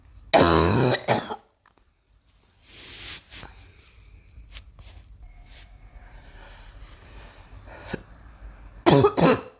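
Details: Girl coughing: two harsh coughs, a quiet stretch with a breath and faint room sounds, then two more coughs; four coughs in all.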